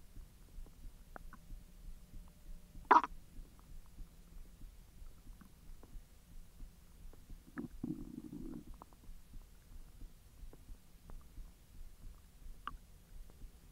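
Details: Belly recording while hot dogs are digested after the stomach was empty for 10 hours: quiet background with a few gurgles and a short bubbling rumble; bowel sounds (borborygmi).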